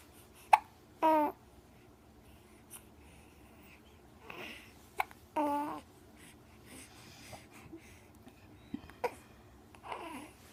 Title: Annoying hiccups 2